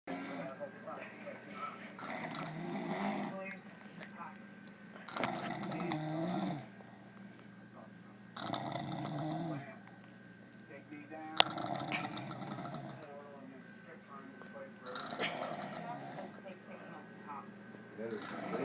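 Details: Sleeper snoring while drunk: loud, rough snores repeating about every 3 to 4 seconds, roughly 15 to 18 a minute, with steady room hum behind; heavy snoring.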